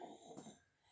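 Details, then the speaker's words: Inspiratory stridor from congenital laryngomalacia in a 1-year-old boy: a brief, quiet, snore-like noisy breath from his windpipe or throat. The noise has become louder, and he is due for a hospital procedure under anesthesia. "If you guys can hear a noise when I have my son, you guys can hear kind of like if he's snoring, but it's a sound that his windpipe or his throat is making."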